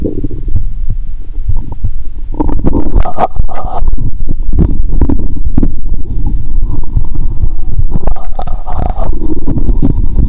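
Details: Stethoscope over the abdomen during a cola-and-Mentos session; watery sounds, stomach audible even near the heart: loud continuous low rumbling and gurgling with bubbly bursts after the fizzy drink; active bowel sounds (borborygmi).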